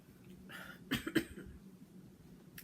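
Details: Coughing attributed to allergies: a few short, dry, throaty coughs in a quiet room, a tickly cough from throat irritation caused by postnasal drip.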